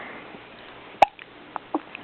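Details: Baby boy babbling, then getting hiccups: a sharp, abrupt hiccup followed by a few smaller catch sounds over steady room noise.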